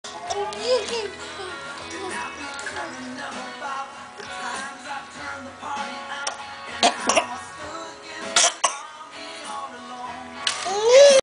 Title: talking and coughing